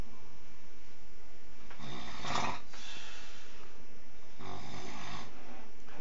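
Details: Two loud, rough, rattling snores on breathing in, with quieter breaths between and steady background hum; ordinary snoring in a sleeping man just before being woken with a shout of fire.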